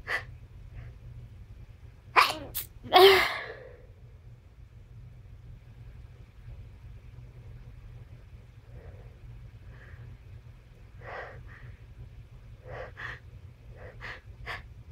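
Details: Two loud, sharp sneezes in quick succession, followed by quiet sniffs and breathy exhalations in a quiet room; sneezing.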